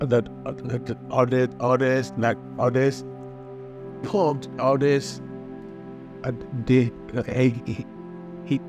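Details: Stroke survivor with non-fluent expressive aphasia after stroke, with a weak arm; clinician links anterior strokes to non-fluent, telegraphic speech; non-fluent (expressive) aphasia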